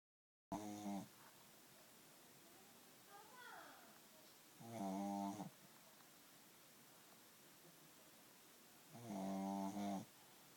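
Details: Loud, fluttering, tonal snores on the in-breath, about 14 a minute, with quiet pauses between them; a pug snoring.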